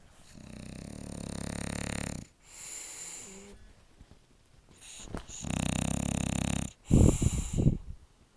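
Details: Snoring from a sleeping dog: loud, rough, rattling snores in long breaths with pauses between.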